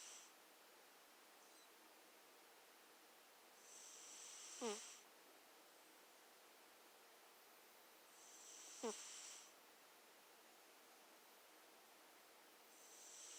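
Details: Cat sleeping: soft, whistly breaths with a faint snoring rasp, about 14 a minute, against steady room hiss; quiet snoring.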